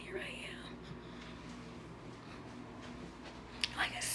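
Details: Whispered voice (aphonia) in a woman who says she must press on her "nerves" with her hand to speak normally and is left with this voice otherwise; she says doctors cannot explain the cause.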